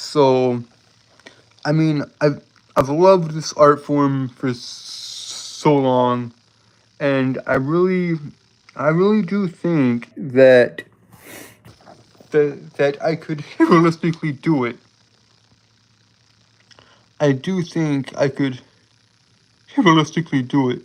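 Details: Adult man with a speech impediment present since birth, who says he holds words rather than repeating them; stuttering (disfluent speech with repetitions and blocks).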